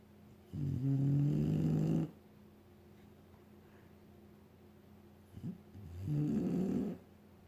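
Two long, low, buzzing snores about five seconds apart, with quiet breathing in between.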